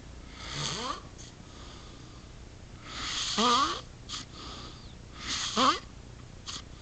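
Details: Loud, rasping snores on each in-breath with a rising squeal, then brief breathy out-breaths, about 26 breaths a minute: heavy, animal-like snoring.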